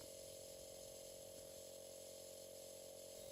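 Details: Philips Home Nebulizer compressor with side-stream nebulizer running during home aerosol treatment, user seated upright: steady mechanical hum with rapid buzzing vibration throughout.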